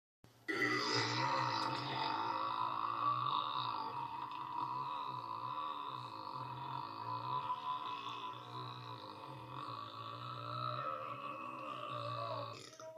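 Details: Exaggerated burp from a scene in the film Elf: one long, deep, wavering belch lasting about twelve seconds.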